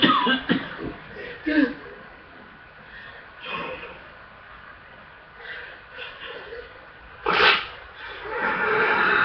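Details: About four harsh, hard chesty coughs spaced over several seconds with quiet breathing between; full chest, hard coughing — chest congestion cough.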